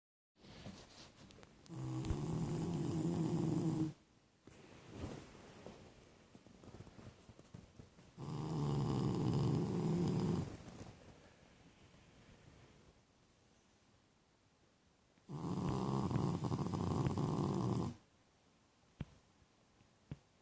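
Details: Heavy snoring during sleep: three long, rattling snores with quiet pauses between, about 9 breaths a minute, in a quiet room.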